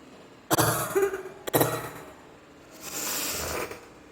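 Two sharp explosive sneezes about a second apart, followed by a hissing breath or sniffle.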